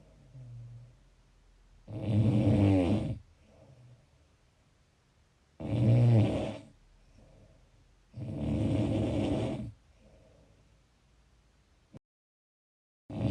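Loud, rough snores on each in-breath, with quieter out-breaths between, about 18 breaths a minute: ordinary snoring.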